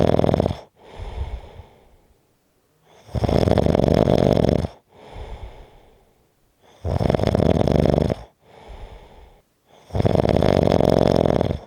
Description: This is a 4 1/2 minute clip of snoring.